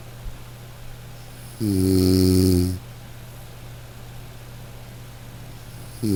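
One loud, buzzing, low-pitched snore lasting about a second, then quiet room noise and the start of the next snore: snoring.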